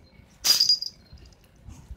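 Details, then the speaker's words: Kitten sneezing, with its sibling also sneezing repeatedly: one short, sharp, hissing burst, then quiet. "なに？あんたもくしゃみしてんの？二人してくしゃみですか？"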